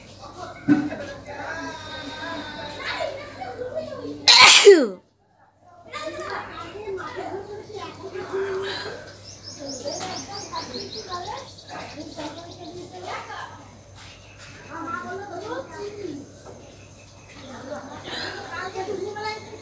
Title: Nose blowing and sneezing with the amount of snot collected(requested video)